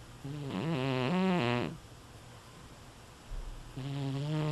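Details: Buzzing, wavering snores with a low vibrating tone over two breaths, from a sleeping animal: snoring.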